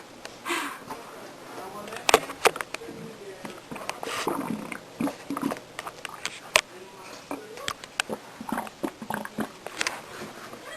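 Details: An adult woman's stomach growling: irregular gurgles, squelches and soft clicks, the ordinary bowel sounds of digestion (borborygmi).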